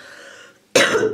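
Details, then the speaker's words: An adult recovering from a cold, still coughing with a runny nose but no sore throat, gives a single loud, harsh cough after a brief quiet moment. "Husten habe ich noch, wie man hört. Schnupfen auch noch, aber mein Hals ist zumindest weg."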